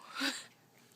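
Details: Baby boy sneezes, said to sneeze just like his father, during a nappy change after a bowel movement.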